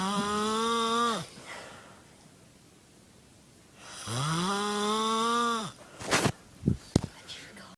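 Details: A friend sleeping gives two long, loud, tonal droning snores on breathing in, then a few short snorts and clicks, presented as funny: snoring.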